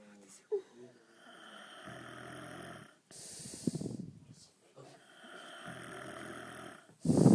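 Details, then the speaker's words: A sleeping male snoring heavily: loud, harsh snores on each breath in with snorting breaths out, about two breath cycles in seven seconds; snoring. "Là, il est en train de ronfler, là. Attends, je vais l'avoir. Bouge pas. Putain, comme il ronfle, c'est un truc de ouf."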